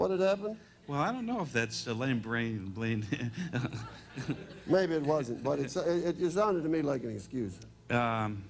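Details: Adult male speaker; typical speech.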